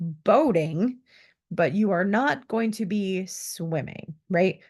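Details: Adult female instructor; typical speech.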